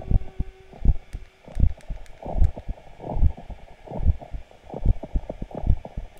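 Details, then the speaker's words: Normal heart sounds recorded by a home device's stethoscope sensor pressed against the chest, alongside blood pressure and ECG: steady, regular heartbeat about 74 per minute with normal paired sounds. "la tension artérielle le cg et le son du coeur écoutez ça c'est le son de mon coeur"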